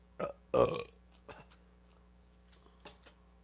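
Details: Two loud burps followed by a few softer ones; ordinary belching after drinking cold root beer, while taking medications.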